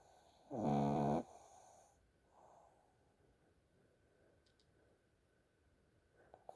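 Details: One loud, buzzing snore on a breath, then softer rasping breaths in a quiet room, from a sleeping pug described as unusual in its snoring; snoring.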